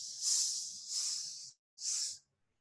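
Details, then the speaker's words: Vocal imitation of a mitral regurgitation pan-systolic murmur, mitral area radiating to the axilla: three long, high, blowing hisses. "area radiating to the axilla. Pan-systolic murmur."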